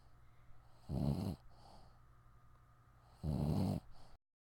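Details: Dog snoring during sleep: two loud, low rattling snores about 2.5 seconds apart with quieter breathing between.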